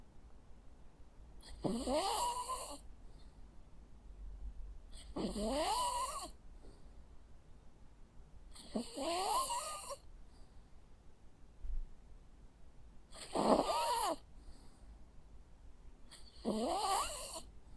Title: Sounds of a Jack Russell dog snoring. Cute sleeping and snoring sounds.